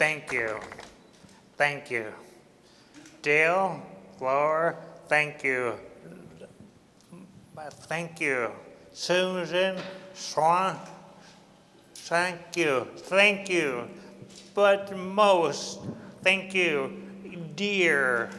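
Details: Adult man with aphasia, one of three aphasic film subjects; speech consists largely of repeated "thank you"; aphasia.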